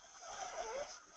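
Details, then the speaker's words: Brief, faint, high-pitched musical inspiratory noise over hiss: stridor, upper airway narrowing, contrasted with wheeze; played in a pediatric respiratory distress teaching webinar. "I found a little uh sound clip here that we can share with you here for the for uh The Strider and again kind of differentiating this from from a we and this is what Strider would sound"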